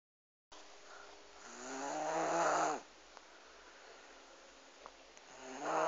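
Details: Snoring: a loud, rattling snore swells over about two seconds on the in-breath, then a quiet pause and the start of the next snore.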